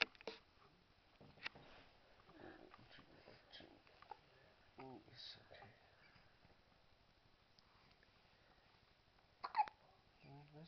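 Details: Infant boy with hiccups at night while father tries to get rid of them: a few short, abrupt hiccup sounds between soft voices and small vocal noises in a quiet room.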